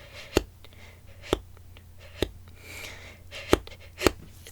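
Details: Woman with Tourette syndrome whose frequent vocal tic, which she describes as a single rolled R made while inhaling, has made her hyperventilate many times: vocal tic (inhaled tongue click).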